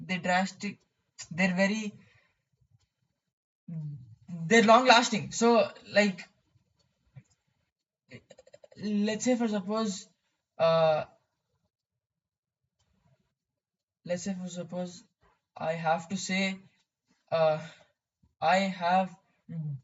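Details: Male who has stuttered most of his life, with blocks, repetitions and facial and jaw movements, often substituting synonyms for words; stuttering.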